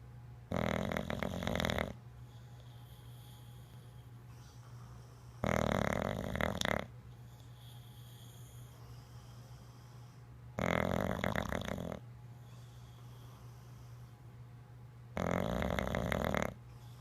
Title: Delilah the Bulldog Snoring!